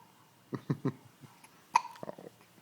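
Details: Baby with hiccups, which he also often had in the womb: three quick, soft hiccup-like jerks in a row, then a brief higher squeak and small sounds; repeated hiccups, followed later by a sneeze.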